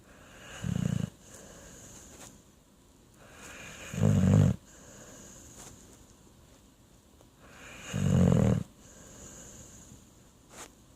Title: Pitbull snoring (Gumbo & Boudin)